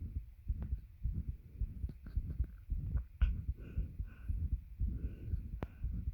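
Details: Heartbeat recorded with a bed pressing on the chest; muffled heartbeat with strained breathing that stops briefly during short attempted breath holds, then resumes.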